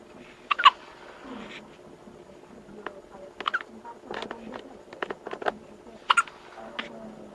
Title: Baby First Hiccups